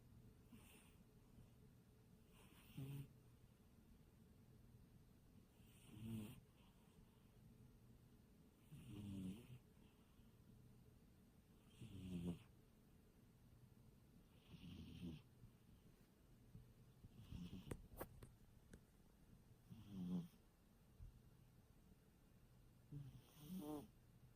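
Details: Soft, low rattling snores from a sleeping cat, about 20 breaths a minute.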